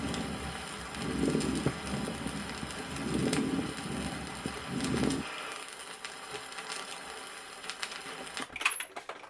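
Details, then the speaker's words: Resonant fine moist crackles (rales) in pneumonia, from a 1964 Soviet auscultation teaching record: fine, crisp bubbling crackles with each inspiration. "послушайте влажные звонкие мелкопузырчатые хрипы при пневмонии на"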